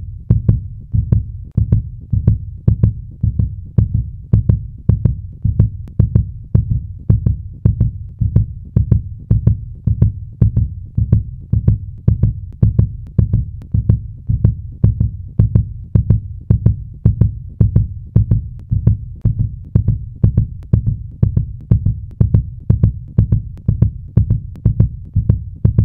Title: Various Fast Heartbeat Sound Effects